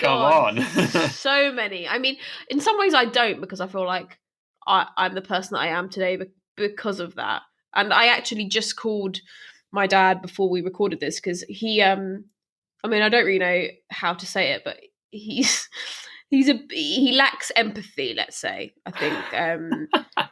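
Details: Stammering in a woman who stammers herself, speaking as co-host of a stammering association podcast; real, not acted.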